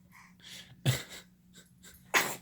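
Two small, sharp sneezes from an infant, each a quick breath in followed by a burst out; an ordinary sneeze.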